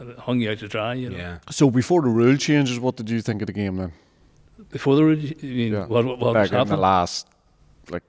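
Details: Adult men in conversation; normal speech.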